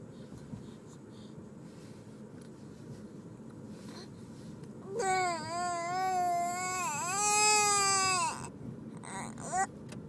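After a quiet stretch, an infant gives one long, sustained high-pitched cry lasting about three seconds, then a brief squeak.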